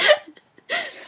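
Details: Severe hiccups in a young woman during a podcast recording: two abrupt, involuntary voiced catches about half a second apart, each a sharp gulping onset with a brief pitch squeak; hiccups.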